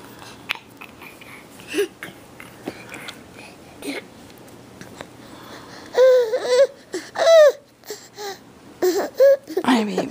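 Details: An infant's noisy, high-pitched, squeaky breath sounds after a quiet stretch; stridor.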